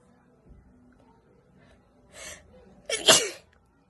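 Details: Allergic sneezing, Philippines: a quiet in-breath followed by a single sharp, forceful sneeze in a quiet room.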